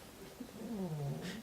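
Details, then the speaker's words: Sleeping cat curled up on a bed gives a soft, low, rumbling snore on one drawn-out breath, with faint room noise: snoring. "you can hear Machens is fine the camera just snoring away on the bed they're both just sleeping right now curled up oh my gosh they're so cute"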